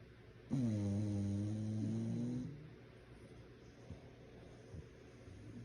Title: My English bulldog Draco sleeps and snores like a human